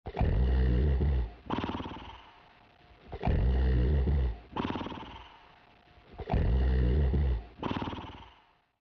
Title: 💤💤💤#catshortscute My fluffy soft kitty cat Douglas in deep sleep gentlely snoring #kitten #mycat